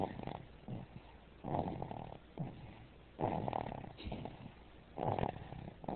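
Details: Sleeping baby snoring: soft, irregular breaths with a rough, fluttering quality on each breath, roughly 35 a minute.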